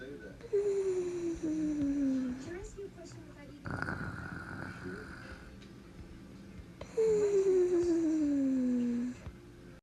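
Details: Whistling snoring during sleep: two long, whistling breaths that fall in pitch, with quiet breathing between.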